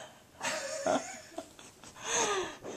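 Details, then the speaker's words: Sleeping dog snoring after a big day: noisy, whistling, snorting breaths in a quiet room. "What is that snoring you might ask a person Oh no it's our"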